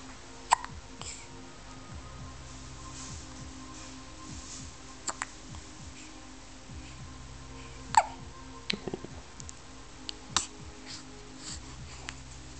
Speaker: Oh, bless you. You got hiccups and sneezes.